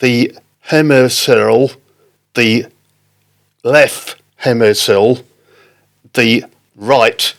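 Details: Adult man with non-fluent aphasia after a stroke in October 2019, affecting speaking, reading and writing; non-fluent aphasia.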